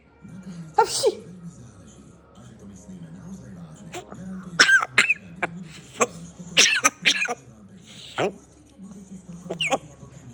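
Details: A parrot mimics its owner's cough with a series of short, harsh, cough-like bursts; this is imitated coughing, not a real cough.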